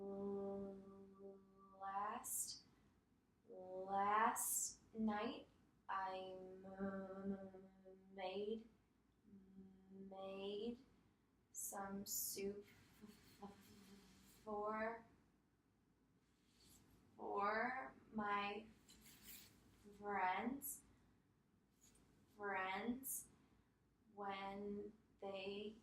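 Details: Adult female client in stuttering therapy tells a story using the cancellation technique, finishing a stuttered word, pausing, then repeating it slowly and relaxed; stuttering.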